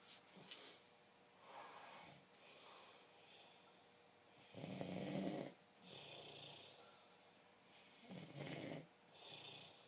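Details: Snoring during sleep: repeated rough snoring breaths roughly every three seconds, with quieter breaths between them.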